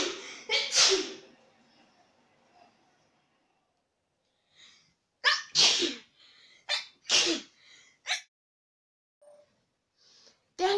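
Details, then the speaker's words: A series of deliberately performed sneeze types, namely silent, aborted, double, triple and "infinity", heard as loud explosive sneezes in quick doubles and triples with brief breathy intakes between them. "The silent sneeze. The aborted sneeze. The double sneeze. The triple sneeze. The infinity sneeze."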